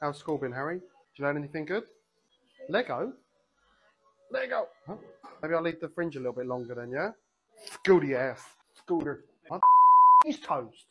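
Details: Involuntary vocal tics, including swearing, in a 28-year-old man with Tourette syndrome, recorded on a day with particularly bad tics; Tourette syndrome vocal tics.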